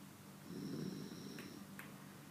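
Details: Sleeping cat snoring: a soft, low rumbling breath sound with faint room noise; gentle snoring.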